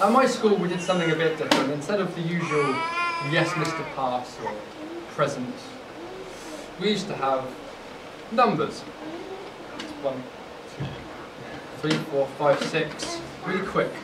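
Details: Adult who has stammered since childhood, first recollections at age eight, using the McGuire technique for over 10 years; describes diaphragm freezing and tension, speech fluctuating, sometimes almost fluent: stammering.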